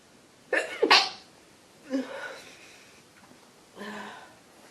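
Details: Woman with a head cold: a sharp double sneeze, then softer follow-up breaths and a weaker sneeze; sneezing.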